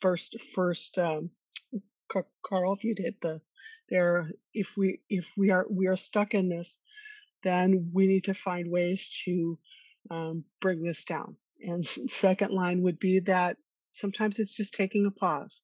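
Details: Stuttering in an adult woman who has stuttered since childhood and attended speech therapy growing up.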